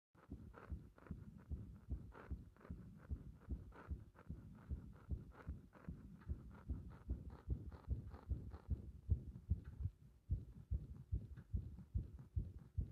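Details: Frequent arrhythmia felt as the heart "bursting", heart sounds recorded under chest pressure: fast, muffled, unevenly spaced heartbeats with occasional pauses, consistent with frequent irregular extra beats.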